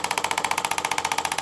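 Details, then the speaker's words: Radial shockwave device with cobalt tip at about 2 bars and 15 Hz, treating the painful Achilles insertion: rapid, even clacking pulses about 15 a second. "I usually start out at about two that's two bars and at about 15 Hertz so 15 Herz is very fast two bars is very low and then I slowly increase it"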